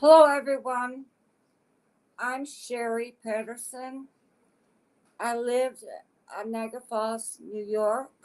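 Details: Adult woman with aphasia since a stroke in August 2014 at age 52, affecting her speech expression but not her intelligence; aphasia.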